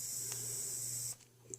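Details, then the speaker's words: Handheld mesh nebulizer running for inhalation treatment: steady high-pitched hiss that stops abruptly when the button is pressed to switch it off; normal device operation. "Okay, but yeah, that's it operating here. And just put it up to your mouth and kind of inhale the formula."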